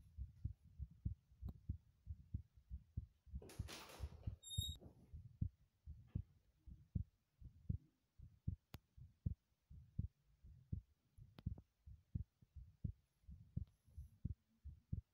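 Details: Heartbeat recorded in a bathroom during running exercise: quick, regular low thumping at roughly 80–90 beats a minute with a brief burst of noise partway through; heartbeat after exertion.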